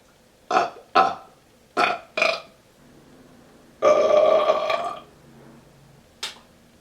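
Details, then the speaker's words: Man burping on command for an audition: a series of loud, deliberate voiced belches, four short then one long drawn-out burp. "Hi, my name is, and this is Burping on Command."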